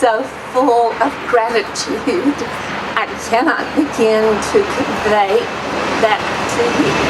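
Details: Adult woman with a shaky voice that her doctor calls essential tremor; she recently had chemotherapy for colon cancer. Essential tremor voice.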